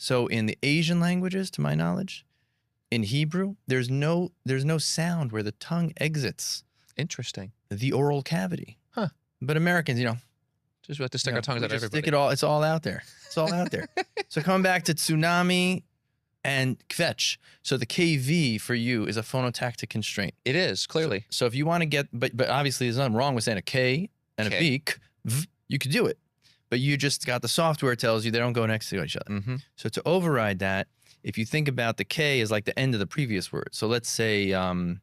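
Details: Adult male speaker; typical speech.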